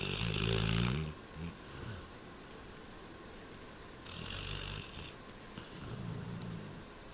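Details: Low rattling snores from a sleeping black Labrador over steady room noise; ordinary dog snoring.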